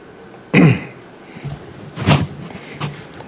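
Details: Adult male football coach at a post-game press conference, whose voice is gone: one loud throat-clearing cough, then two softer clearing sounds, in a quiet room.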